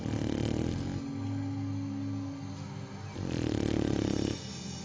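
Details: Two rattling, low vibrating breath sounds about three seconds apart, with a steady hum between them; snoring.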